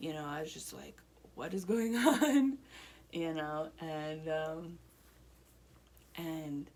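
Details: Adult woman one year after a stroke affecting her right side, speech improving with therapy; Broca's aphasia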